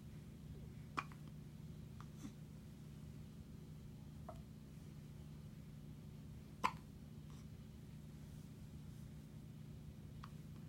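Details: Two-week-old newborn boy: soft, sharp little catches at irregular intervals over a steady low hum; hiccups.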